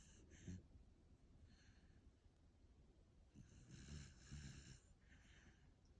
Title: After a big puppy day😪❤️ Hear that snoring!? #puppysnoring #puppytongue #dogsleeping #sleepydog